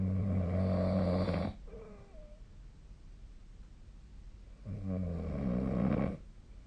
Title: 🐽 本日のイビキ / Snoring Sleep Sound 2025/02/21